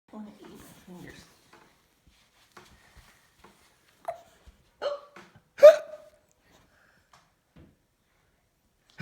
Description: Cute baby laughing while hiccuping !! 😍